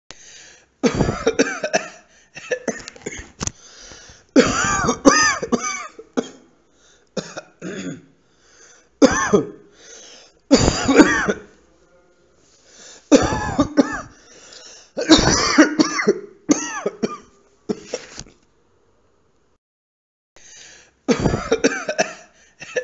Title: cough sound